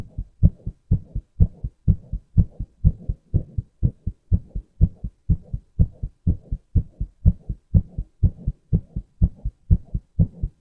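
Regular paired low thumps, about 61 beats a minute, each a clear lub-dub; an ordinary adult heartbeat.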